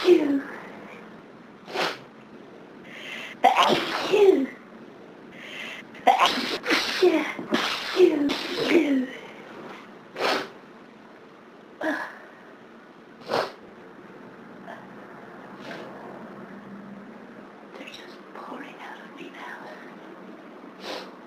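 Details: Run of sharp, forceful sneezes with breathy gasps between, some close together, then quieter sniffs, on a severe summertime hay fever day; repeated sneezing.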